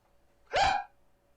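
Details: Man in his early twenties with tic disorder; involuntary, repeated vocal tic.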